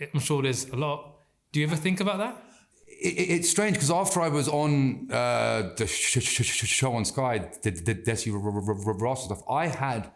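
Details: Adult man with stammering (stuttering) since childhood that has not stopped in adulthood; he reports anxiety and stress make speaking harder and that he can control it by slowing down and taking a breath.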